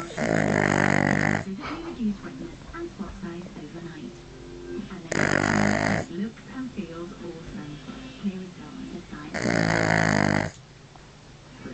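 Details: Dog sleeping with head back and mouth open, snoring: loud, rattling snores about 4 seconds apart with quieter breathing in between.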